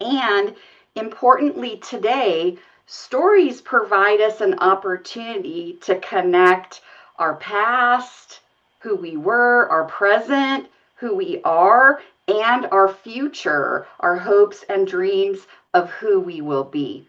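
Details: Adult woman speaking; normal speech.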